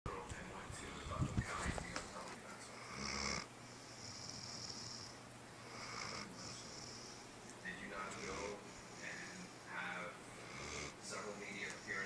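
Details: Great Dane napping: repeated soft, rasping snores with breathy exhalations, over room noise; snoring.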